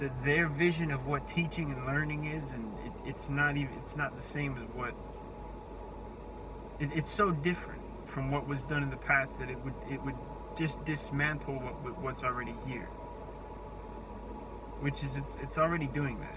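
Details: Disfluent speech with word repetitions and restarts in an adult with a self-reported speech impediment. Their words break down completely when speaking face to face, forcing breaks.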